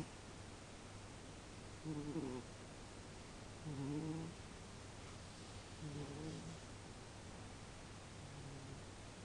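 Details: Soft, low rattling snores from a sleeping cat, repeating roughly every two seconds over a steady background hum: cat snoring.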